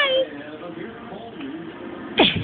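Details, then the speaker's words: Young child with hiccups after laughing too much, sitting in mommy's seat: a short voiced sound, quiet room noise, then one sudden sharp gulping hiccup near the end. "Laughing too much. Now you get the hiccups."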